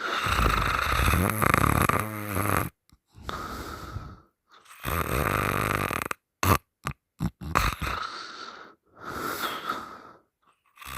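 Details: Heavy mouth-open snoring in sleep: loud, rattling, uneven snores with occasional snorting breaks.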